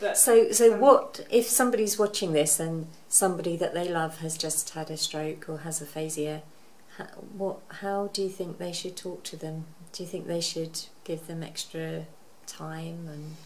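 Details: Adult interviewer; typical speech.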